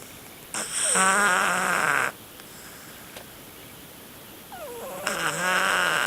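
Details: Siamese cat asleep in the dark at night: two loud, rough, buzzing inhalations about four seconds apart, each with a whistling pitch glide, a man-like heavy snoring.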